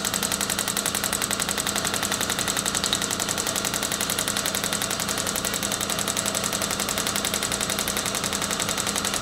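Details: Storz MP200 radial shockwave therapy for plantar fasciitis, with a separate air compressor reaching 5 bar and 21 Hz: fast, even, sharp pneumatic-hammer tapping; radial shockwave device in operation.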